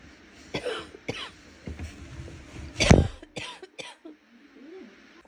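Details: About six coughs of varying strength with a loose, rattly, low-pitched quality, loudest near the middle; wet, productive cough.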